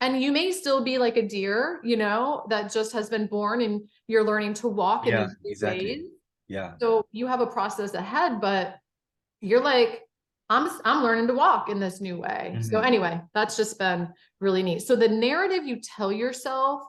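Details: Adult woman speaking; normal fluent speech.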